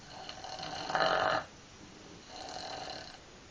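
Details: Snoring: two snoring breaths, the first a brief buzzing, fluttering rasp and the second softer and longer, with a vibrating quality.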